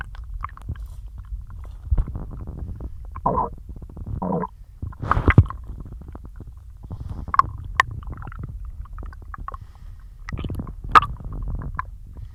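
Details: Bloated stomach growling after a large lunch of cheesy pasta and milk: loud gurgling and rumbling bursts from the belly, some squeaky and tonal, over low background noise; borborygmi.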